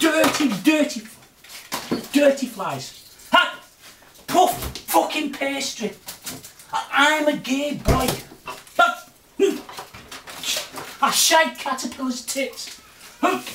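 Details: Adult man with Tourette syndrome, recorded September 2009 as a follow-up; his vocal and motor tics have changed since earlier, vary with mood, and turn sharp, loud and obscene when he is annoyed; vocal tics (Tourette syndrome).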